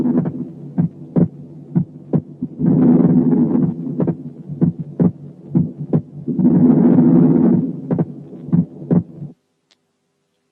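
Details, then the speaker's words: Normal inspiratory splitting of the second heart sound, heard at the pulmonary area (second left intercostal space): S2 splits into two components on inspiration and becomes single on expiration; breath sounds present. "تعالوا نسمع مثل من النورمال سكند ساوند اللي السبليتنج فيه vary with the respiration، ولاحظوا السبليت بس مع الانسبيريشن."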